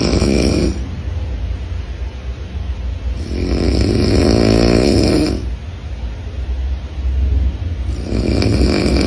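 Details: Dad snoring next to a baby, in a funny clip; snoring.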